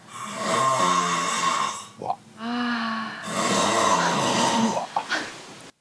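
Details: Loud, rough, rattling breaths in and out with a fluttering throat vibration during sleep, severe enough to keep a roommate awake on a dating-show trip; snoring.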